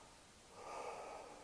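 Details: Normal breath sounds on stethoscope auscultation of the anterior chest at the fourth intercostal space, over the left upper lobe and right middle lobe, comparing sides.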